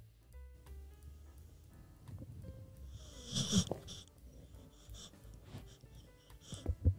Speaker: You hear that? Yeah. She fucking snores. Yeah, she's trying to sleep.